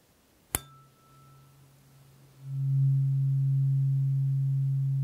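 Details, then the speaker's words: Role-played ASMR hearing frequency test with the second of eight tuning forks, slightly higher but still low frequency, played to one ear first. A sharp strike, then a steady low humming tone that swells and holds. "great so moving on now this one's a second slightly higher frequency but still nice and comfortably low okay this here first again ready"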